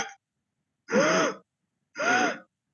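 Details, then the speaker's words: Two harsh, high-pitched crowing noises on breathing in, imitated by an adult to demonstrate inspiratory stridor, a sign of upper airway obstruction. "Uno va a producir estridor y el sonido es, como les dije, y es inspiratoria."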